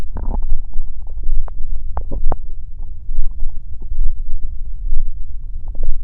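Loud, continuous low rumbling with scattered gurgles and pops: stomach growling from gas and fluid moving through the gut.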